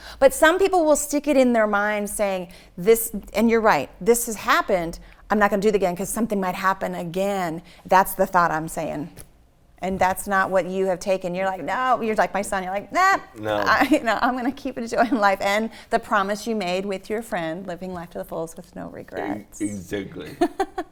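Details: Adult woman; typical speech.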